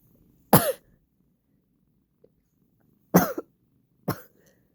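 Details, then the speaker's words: Three short, dry single coughs separated by quiet pauses from an adult with current allergies, apologising to a cat who dislikes it; cough. "oh, I'm sorry, honey. I'll try to keep the coughing down low."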